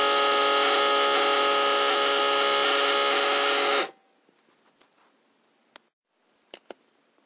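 Steady electric pump buzz for about four seconds, then quiet clicks and hisses as the cuff deflates; an automatic blood pressure monitor inflating.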